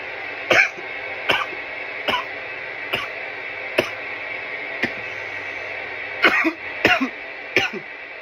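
Eight harsh, dry cough bursts over about eight seconds, some in quick pairs: an irritant cough after inhaling smoke.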